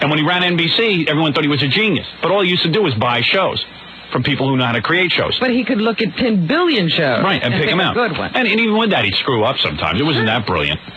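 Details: Adult man speaking, radio broadcast; no speech disorder.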